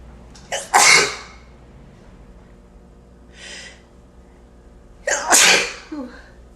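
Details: Two loud sneezes from a person, each with a quick in-breath before the sharp burst, about four seconds apart; sneezing.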